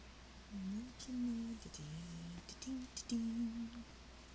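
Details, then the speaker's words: Adult's stomach growling (borborygmi), loud enough to be likened to thunder, heard during a livestream. "Y'all hear that? That's my stomach growling. It's not thundering."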